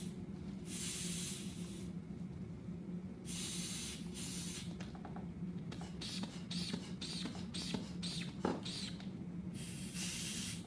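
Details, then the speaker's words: Bursts of hissing air and a squeezed bulb, a short reinflation, then a steady hiss of deflation, from a blood pressure cuff on the right arm in a simulated exam; reading 118/78, normal. "I was able to get your blood pressure. We did have to do a short reinflation there. Sometimes that valve can be a little bit sticky."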